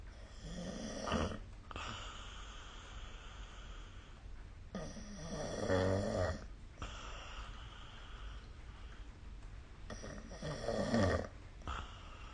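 Three loud, rumbling snores about 5 seconds apart, with quieter breathing between them: snoring during sleep.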